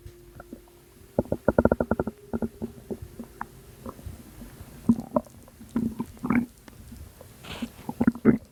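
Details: Postpartum woman making belly sounds she attributes to postpartum water weight, recorded at 2am: irregular bubbling, popping and gurgling noises in quick clusters; stomach rumbling.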